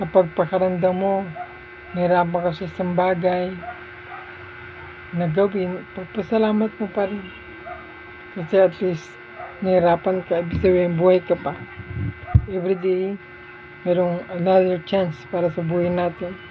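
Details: 43-year-old man with motor neuron disease diagnosed around 2024, with voice change, inability to sing, shortness of breath, and impaired walking and balance; dysarthria.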